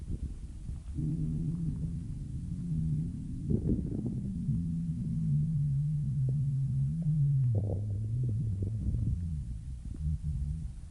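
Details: Long, low gurgling rumble with shifting pitch, lasting about ten seconds, from a person's stomach: stomach growling (borborygmi).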